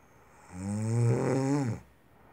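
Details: Sleep snoring: a single loud, low, rattling snore on the in-breath, rising and fading over about a second.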